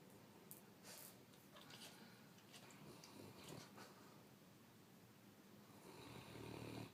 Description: Gizmo had a long day now he's taking a nap and really snoring.